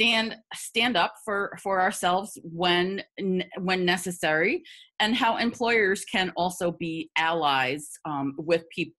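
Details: Adult woman who stutters; audible repetitions; stuttering.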